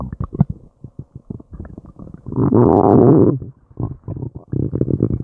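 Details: Loud, long-lasting stomach and intestinal growling, gurgling and groaning with bursts of low pops and a long growl as the gut struggles to digest an unknown food; active bowel sounds (borborygmi).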